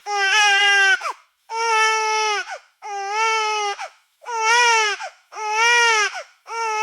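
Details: Sound effect of a baby crying in a tantrum: loud, steady infant cry in repeated wails of about one second each, roughly 48 a minute, with short gasping breaths between.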